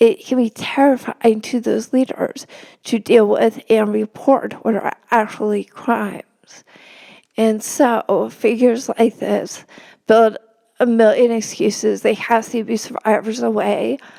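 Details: Real spasmodic dysphonia in a woman, a reporter, speaking as an interview guest; finding: spasmodic dysphonia.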